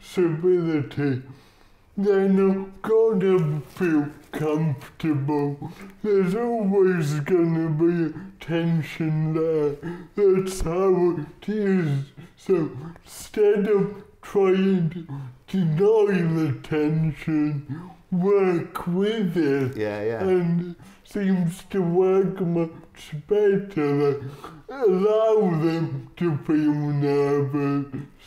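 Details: Adult male comedian with cerebral palsy speaking in an interview; dysarthria (cerebral palsy).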